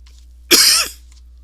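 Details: An adult with a persistent cough throughout the recording, feeling sick and blaming allergies, is coughing. This is a cough.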